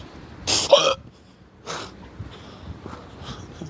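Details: Two sudden, sharp hiccups from an adult, about a second apart, over quiet background noise; the adult is asking how to cure the hiccups while parking a Kia Soul; hiccups (singultus).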